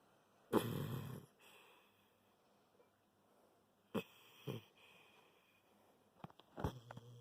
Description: My pupper is a snoring